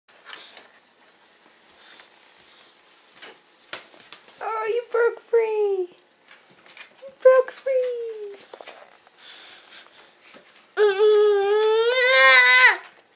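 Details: Infant crying, bottom lip rolled out: short whimpering cries building to a longer, louder wail, with quiet room sounds between.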